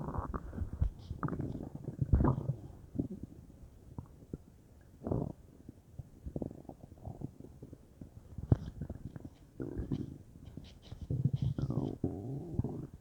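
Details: Bowel sounds (borborygmi) from a bubbly belly, unsure whether stomach or intestines: low gurgling, rumbling noises in irregular bursts from gas and fluid moving through the gut.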